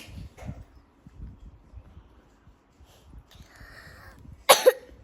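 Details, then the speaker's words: Child coughing; soft breathing and quiet vocal sounds, then two sharp, loud cough bursts near the end. The child may have a stomach ache, and medicine is offered. "Pak besar malah watuk krok krok krok."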